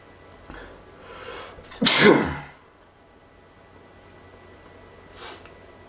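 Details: Sneezing attributed to pollen allergy: a short indrawn breath, then one loud, explosive sneeze, with faint room noise.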